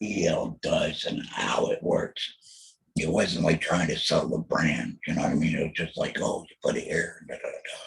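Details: Alaryngeal speech by a laryngectomee after total laryngectomy for throat cancer diagnosed in 2020, followed by chemotherapy and radiation.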